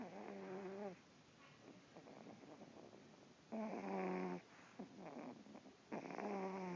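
Rhythmic, drawn-out snorting breaths with a buzzy, vibrating quality from a sleeping dog; dog snoring.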